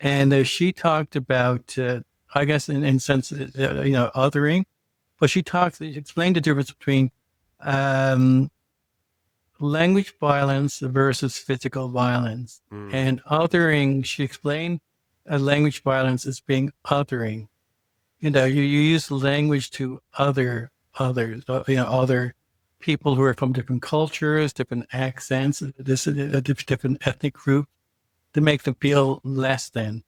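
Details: Adult male who identifies as a person who stutters; stuttering.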